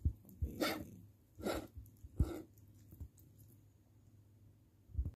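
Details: Heavy, effortful noisy breaths with snorting and puffing in a quiet room: laboured breathing in a pet with congestive heart failure (X-ray inverted D) on a heart pill and twice-daily Lasix, medication no longer working.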